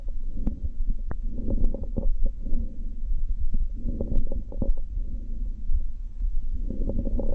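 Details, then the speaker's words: Crackles (rales), muffled breath sounds through a stethoscope with brief scattered crackling pops during each inspiration; coarse crackles are low-pitched and moist, fine crackles sound like hair rubbed near the ear. "crackles can be further categorized as coarse or fine coarse crackle sound quality is low pitched and moist maybe heard pulmonary edema and bronchitis find crackle sound qualities like hair rubbing near the ear and may be heard in congestive heart failure and pulmonary fibrosis"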